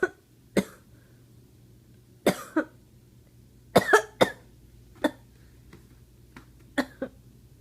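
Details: 11-month-old baby coughing while hugging mom: cough.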